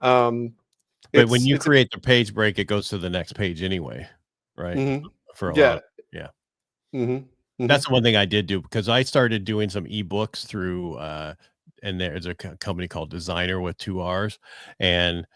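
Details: Adult man speaking; typical speech.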